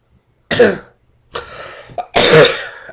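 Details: Adult who describes being very sick for several days, sleeping nonstop; three harsh bursts of coughing and throat clearing separated by short pauses: cough.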